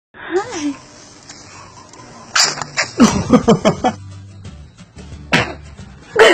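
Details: Infant sitting up gives a brief coo, then several short, sharp sneezes spread over a few seconds.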